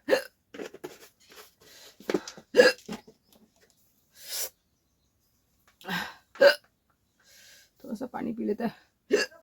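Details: Sharp, abrupt hiccups every few seconds mixed with talking and laughter, brought on by eating very spicy namkeen snack in a hiccup challenge.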